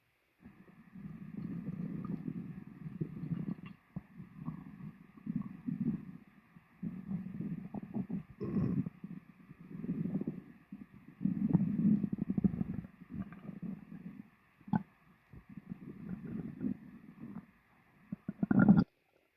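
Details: Person's stomach after lunch, full stomach: low rumbling, gurgling bursts coming and going over about 18 seconds; loud stomach growling.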